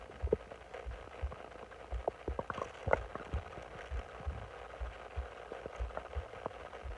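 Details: Bloated abdomen while lying on the stomach: low, uneven thumps with scattered gurgling and bubbling over a quiet rumbling background, stomach growling (borborygmi).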